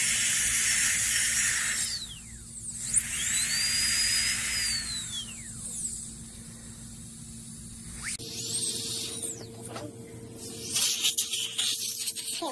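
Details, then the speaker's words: Dental handpiece adjusting occlusion after composite restoration of chipped upper central incisors, male: high-pitched drill whine rising and falling in short runs over room hum, grinding high spots marked by bite paper. "Okay, what I'm doing is I'm checking the bite. The bite paper is telling me where I'm high at. So I need to go there."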